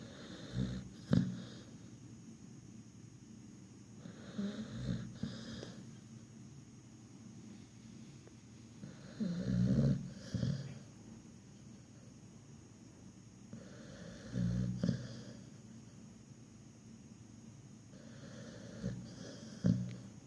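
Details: Sleeping pit bull dog: low rattling snores about every four to five seconds, roughly 12 a minute; snoring.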